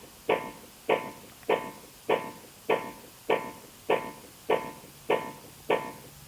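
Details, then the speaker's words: Philips OnSite AED in pediatric/infant mode (cartridge for victims 55 lb or less): steady metronome clicks at 100 per minute pacing CPR chest compressions, with two fingers for infants under one year; CPR metronome. "push the chest down firmly keep time with the beat again our metronome 100 times a minute consistent with current Heart Association"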